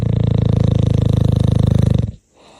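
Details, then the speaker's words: A dog snoring, shown by its owner at the end of a podcast. "you want to hear the snoring dog warm time does bubble want to take a"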